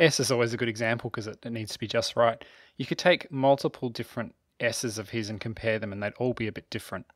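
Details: Adult male narrator; typical speech.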